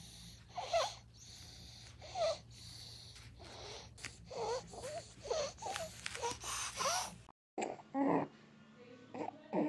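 Harsh, high-pitched crowing noises with each breath in a young child, typical of stridor from upper airway narrowing.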